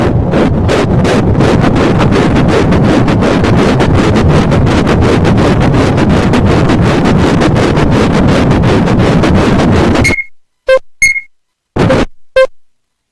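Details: Fetal heartbeat at 7 weeks 5 days of pregnancy on Doppler: rapid, regular whooshing pulses, about 165 beats a minute, compared to a train or horse hooves, then a few short beeps.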